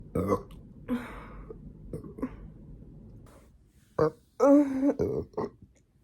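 Several short belching sounds and throat noises, ending in a longer voiced belch, in a quiet room.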